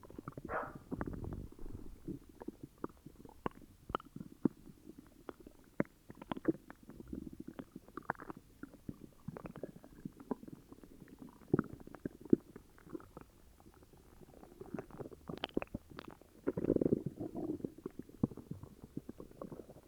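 Irregular low gurgles and bubbling rumbles over about 20 seconds: loud stomach growling from an upset stomach.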